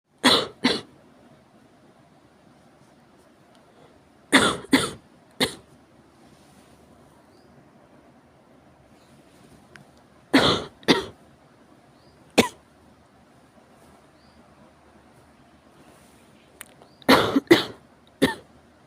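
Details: Severe cough: repeated harsh coughs in clusters of two or three, about eleven over nineteen seconds, separated by quiet pauses in a still room.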